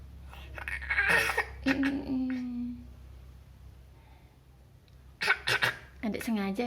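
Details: A young child deliberately makes a few short, imitated cough bursts on request, with brief vocal sounds after and a parent's voice nearby; a voluntary cough.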